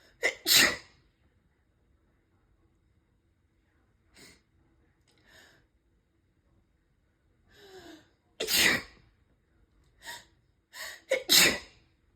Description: Another day another sneezing fit 😅